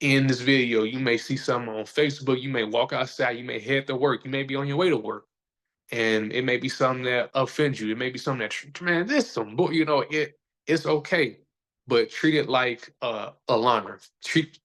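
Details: Adult man who says he stutters, is still sometimes a little insecure about it and years ago felt he had to hide it; stuttering.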